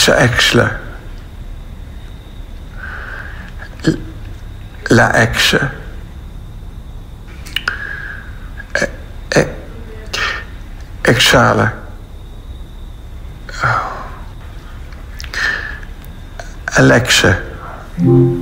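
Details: Aphasia, a language disorder from brain injury after stroke or accident; several distorted attempts before producing a word; aphasia.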